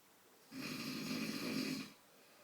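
A single long, rough, rattling snore on the in-breath, about a second and a half, in a quiet room. Ordinary snoring.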